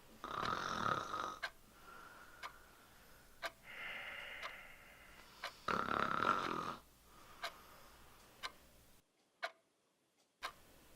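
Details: Simulated snoring from a short film: loud, droning snores of a sleeping partner with a steady clock ticking in the background.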